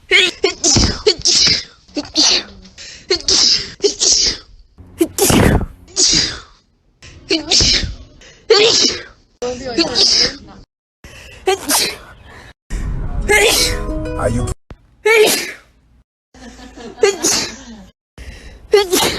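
A rapid series of sharp, explosive sneezes, some with a gasping intake before them, about fifteen in twenty seconds; repeated sneezing.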